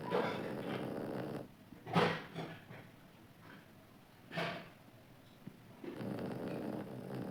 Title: ##just listen ##snoring ##sleeping baby #❤❤❤❤